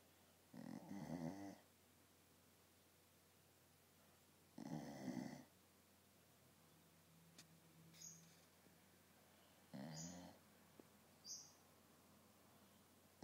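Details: Passed out asleep on a couch, snoring: rough, rattling snores with each breath, about 15 a minute, with quiet room noise between them.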